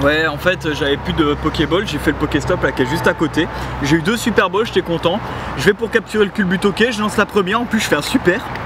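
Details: Adult speaker, French; Normal speech.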